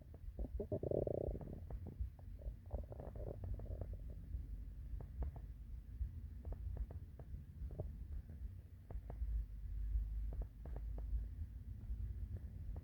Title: The classic morning hungry stomach growls